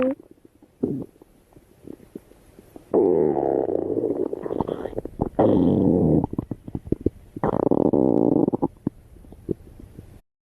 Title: STOMACH GROWL